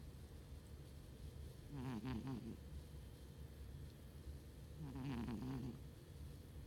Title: Chubbsy the snoring kitty